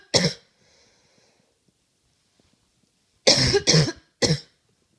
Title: Coughing